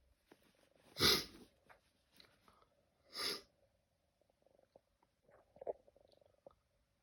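Two sharp, explosive bursts a couple of seconds apart, followed by faint sniffing noises: sneezes.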